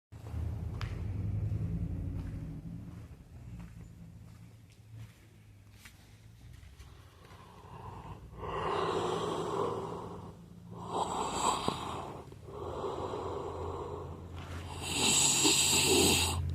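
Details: Sleeping man snoring with rough, noisy breaths about every two seconds; he may have a blocked nose.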